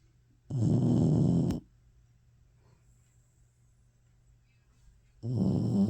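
Two loud, low rumbling snores, each about a second long, separated by a few seconds of quiet breathing.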